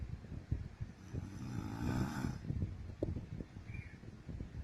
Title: MY WIFE SNORING/SLEEPING OLD VIDEOS COMPILATION